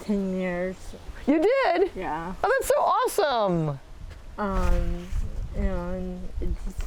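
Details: Adults in conversation; conversational speech.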